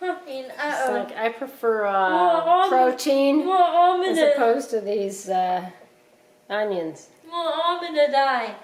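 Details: Young female speaker; speech.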